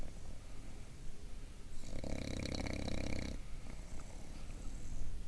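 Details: Bulldog sleeping while sitting up: one loud, rattling snore lasting about a second and a half over low background rumble; snoring.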